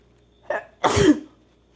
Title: sneezing (F)